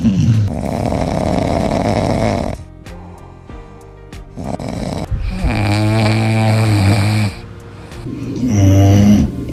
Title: Dogs snore when they sleep#dog #funny #hh #funnycats #fyp #dogsoftiktok #dogs